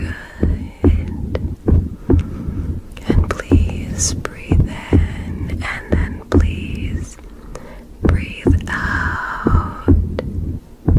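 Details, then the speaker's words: Simulated ASMR medical roleplay with a stethoscope placed at the shoulder: soft, low, normal heartbeat thumps heard under quiet whispering and breathing instructions. "Okay. Good. I'm just going to get your heartbeat now. Okay."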